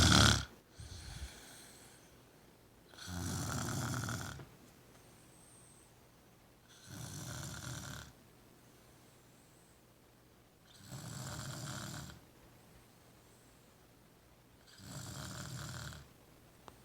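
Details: Regular rasping snores on each breath, about 15 a minute, quiet pauses between, still room; old cat lying with his owner, unclear who snores: snoring.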